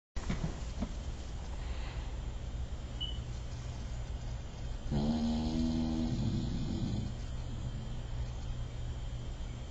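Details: Sleeping female bulldog in full-on snore: low, steady rumbling breath noise with one louder, buzzing snort midway; snoring.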